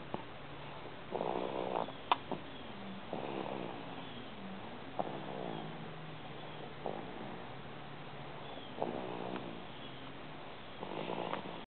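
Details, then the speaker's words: Snoring while lying on top of mommy, recorded January 14, 2008: soft, regular snoring breaths with a purring buzz, about six breaths in twelve seconds, roughly 30 per minute. "snoring. Listen closely. Laying on top of mommy."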